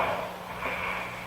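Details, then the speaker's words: Brief, rough, fluttering snoring breath over a low steady hum, broadcast-quality audio played on a radio show; snoring. "I'm giving... just listen to a little snoring. Okay, let's listen to some snoring."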